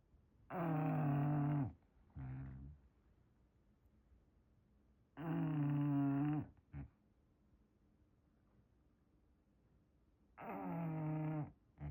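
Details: English bulldog snoring in a blanket: loud, buzzing, vibrating snores, each followed by a short snort, repeating about every 5 seconds.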